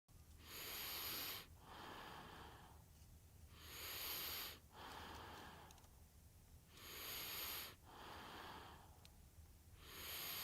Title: Baby Sleeping Sound Effect | Light Breathing | Light Snoring Sound | White Noise - 아기 새근새근 자는 소리 효과음